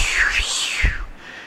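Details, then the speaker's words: Umbilical artery Doppler sound imitated by a lecturer: breathy, unbroken whooshing of continuous forward diastolic flow through the cardiac cycle, the normal pattern, contrasted with end-diastolic flow falling to zero; the lecturer says it is somewhat exaggerated. "you hear this continuous flow and when the end diastolic flow reduces to zero you're here so I'm exaggerating to some extent but that is actually what you should be hearing there"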